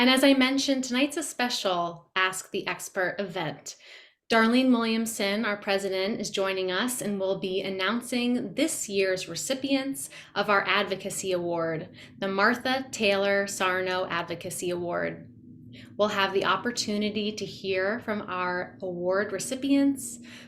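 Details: Adult woman; normal speech.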